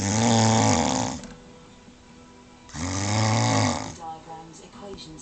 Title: snoring mrs :-)